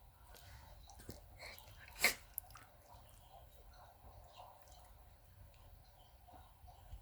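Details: Sneezing in a 17-year-old Lhasa Apso/Maltese dog, constantly sneezing due to dental disease: a single sharp, forceful sneeze against quiet room sounds and soft snuffling.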